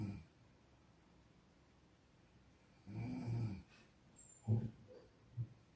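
Low, rough snoring sounds at intervals in a quiet room, one long rumbling snore followed by shorter snorts.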